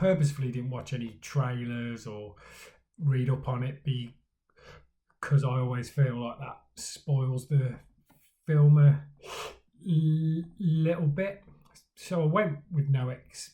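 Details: Adult man who stammers, speaking in his own stammering vlog; stuttering.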